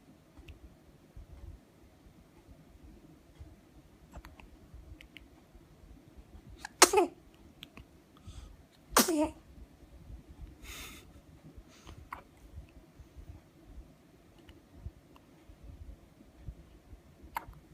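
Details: A two-week-old baby, who also has hiccups, gives two small, sharp sneezes and a third fainter burst over quiet room noise.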